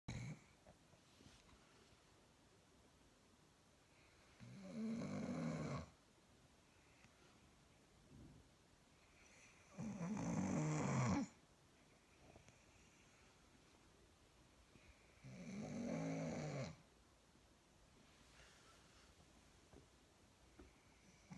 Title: English bulldog snores